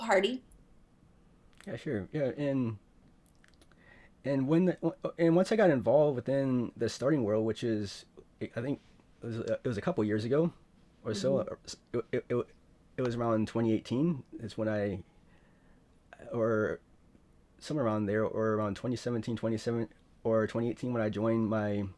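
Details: Woman who stutters and reports blocking, with long pauses between words; stuttering.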